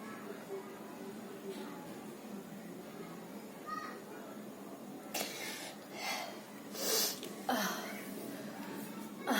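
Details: Woman acting as if suffering from a cold: room noise, then about three loud acted sneezes in quick succession, each with a sharp intake and burst; simulated sneezing.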